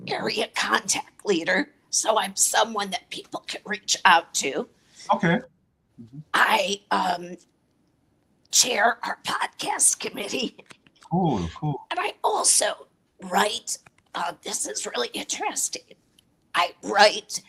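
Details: Adult woman with a chronic voice disorder; dysphonia.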